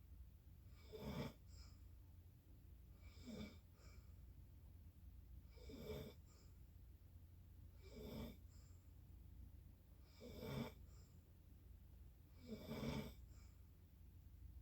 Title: Snoring again